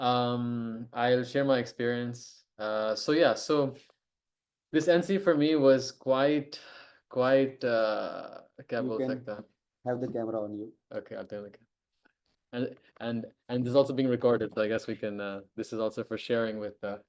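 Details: Adult who stammers and co-hosts an online stammering self-help group meeting; stuttering.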